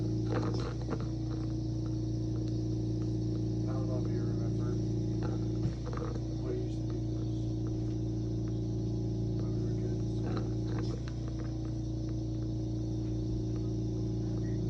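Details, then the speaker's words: Actively dying woman: faint wet, gurgling breath sounds over a steady machine hum, the death rattle from terminal secretions, saliva pooling in the mouth unswallowed rather than fluid in the lungs. "that's a perfect example of terminal secretions how it sounds everyone hears this and they automatically think it's coming from the person's lungs they're drowning on their own fluid this is not happening"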